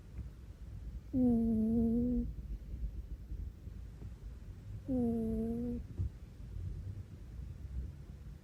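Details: A sleeping pet cat snores, giving two drawn-out, humming snores about four seconds apart, roughly 16 a minute, over quiet room noise.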